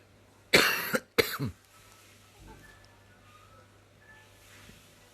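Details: Two loud, harsh coughs from a baby's father close together, startling the baby, then a quiet room.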